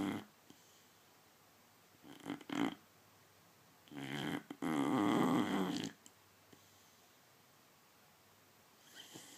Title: Funny boxer snoring